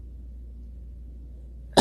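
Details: An adult with a chronic cough; the doctor found enlarged tissue around the vocal cords attributed to reflux. Quiet room hum, then a single abrupt cough burst, cut off.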